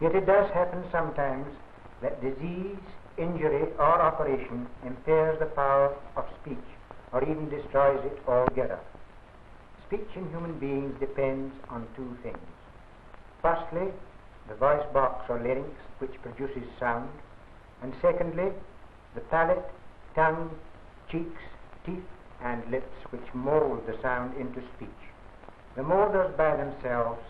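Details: Adult male narrator; normal speech.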